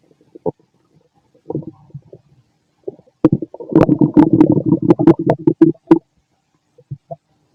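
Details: Fit adult male's stomach growling while digesting, very loud: scattered soft gurgles, then a loud run of rapid rumbling pops and bubbling for a few seconds; borborygmi.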